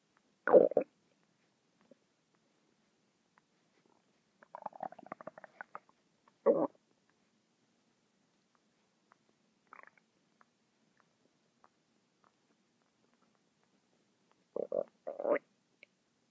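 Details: Irregular gurgles and rumbles in short bursts between quiet gaps, from a stomach making noises non-stop for 10 minutes: borborygmi.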